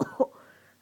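Two quick, short coughs from a child, close together, with a faint trailing tone afterward.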